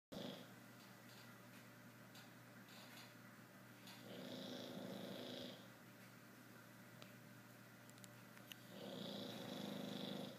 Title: Bruizer snoring